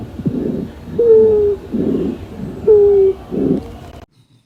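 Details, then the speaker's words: Breath sounds with musical, high-pitched, whistling tones on expiration from air passing through narrowed or obstructed airways; wheezes. "Las cibilancias se caracterizan por un sonido musical y agudo parecidos a un silvido que suenan así, ya que se deben al paso del aire por vías respiratorias ocluidas u obstruidas,"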